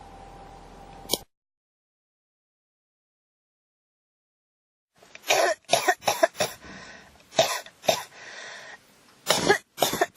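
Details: Persistent cough that won't stop, recorded as ASMR: a rapid run of about eight dry coughs in quick succession, with a short cough before a pause.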